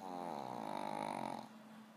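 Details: Female pug sleeping: a single long, buzzing, fluttering snore, with a rattling vibration through the inward breath.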